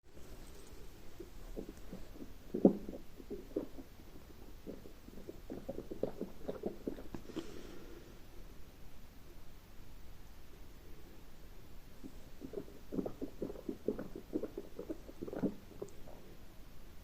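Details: Bursts of low gurgling and rumbling from the abdomen: ordinary bowel sounds, stomach growling.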